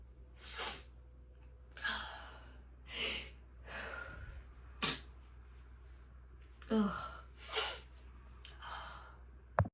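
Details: Run of about eight short, stifled sneezes over ten seconds, each a sudden burst of air, against a low steady room hum.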